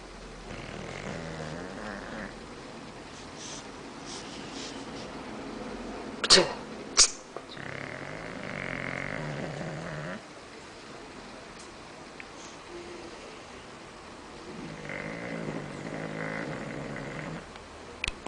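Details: A bulldog snoring: noisy, rattling breaths with snorting and a few sharp snorts, with faint background talk; loud dog snoring.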